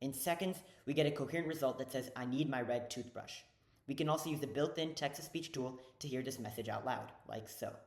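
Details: Adult speaker narrating; Normal fluent speech.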